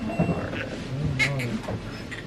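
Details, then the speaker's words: Brief, thin cries of a newborn girl just after a hospital delivery (mother's sixth baby, very long cord), with room noise and adult voices; newborn cry. "She's fine. She's just needs to cry a little bit."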